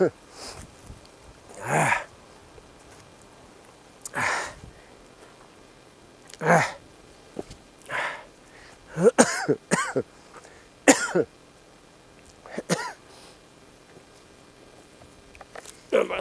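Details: Older man coughing while walking outdoors, a recurring seasonal cough he says bothers him every spring and fall; repeated short dry coughs and throat clearing, about eight bursts over sixteen seconds.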